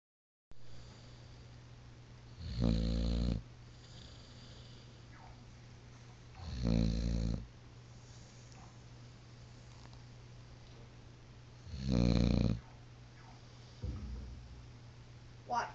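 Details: Dog asleep on a couch snoring: loud, rumbling snores about every four to five seconds, roughly 13 a minute, over a steady low hum.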